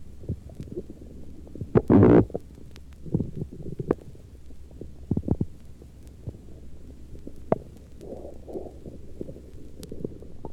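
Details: Hungry patient in late afternoon, recorded during a heart-sound tracing at the apex: normal active gurgling bowel sounds heard behind the regular heartbeat.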